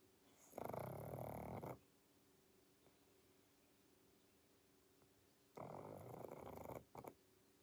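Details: Sleeping pug: two loud, rough, fluttering snores about five seconds apart, with a brief snort.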